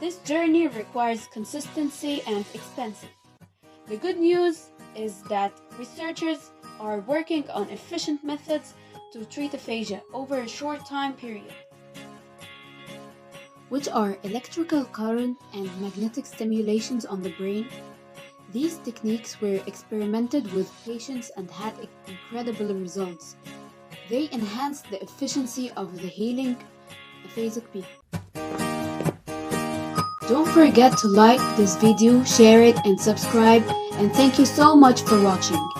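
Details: Adult narrator; normal speech.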